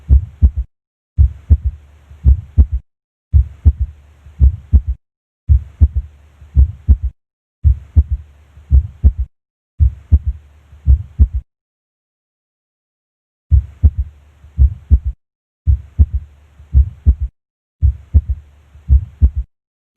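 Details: Physiological third heart sound (S3) heard at the apex on auscultation.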